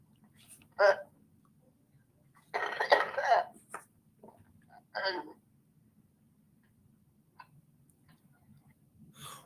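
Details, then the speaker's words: Child with a neurological condition and developmental delay, unable to cooperate with peak cough flow testing, who is a candidate for mechanical insufflation-exsufflation: weak, noisy, ineffective wet coughs with rattling upper-airway congestion that clear poorly. "on voit ici qu'on a une toux qui est inefficace. Dû au retard de développement, au manque de coopération, on ne peut pas évaluer son peak co-flow via le peak flow ou toute autre mesure."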